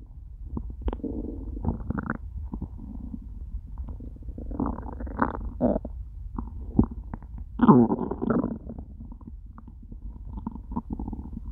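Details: Loud, long gurgling and rumbling with bubbly bursts and groans from an empty stomach after eating nothing all day; stomach began to hurt by end of recording; hunger growling (borborygmi).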